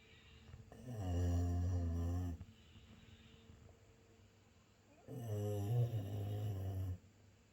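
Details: Labrador dog snoring in deep sleep: two long, deep, rattling, vibrating inhalations about four seconds apart; steady snoring.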